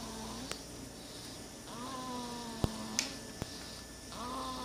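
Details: Soft, high-pitched whistling snores with each breath, plus a few sharp clicks in the room, from Calvin, a six-week-old sleeping pet; snoring.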